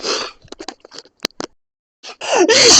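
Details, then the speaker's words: Allergic sneezing from pet allergy while driving home on the motorway from a dog-filled house, deliberately without antihistamines: a sharp, hissy sneeze burst, small sniffs and clicks, then another loud sneeze. "I can't help sneezing the cars are slowing down in front of me but that's okay"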